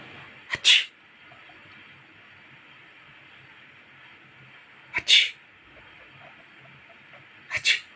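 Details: Cat sneezing: three sharp, hissing sneezes, each a quick double burst, a few seconds apart.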